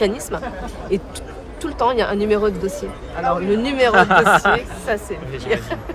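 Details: Stuttering, probably in a participant of a French eloquence contest for people who stutter.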